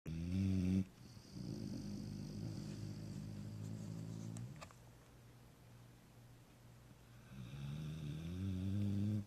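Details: Loud, deep, rattling snores from a sleeping year-and-a-half-old Pitbull, about three noisy breaths with quieter pauses between them: ordinary snoring during sleep.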